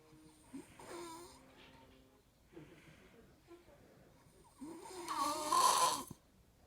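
Several rough, rattling breathing sounds in sleep, the last one loudest; snoring.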